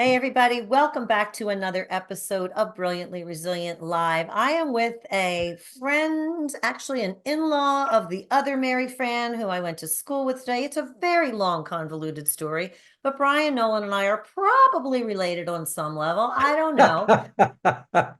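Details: Adult woman speaking; normal speech.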